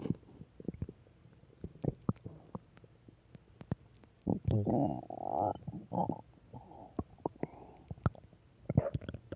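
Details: Gurgling, bubbling belly noises with clicks and a few longer rumbling growls: ordinary bowel sounds, stomach growling.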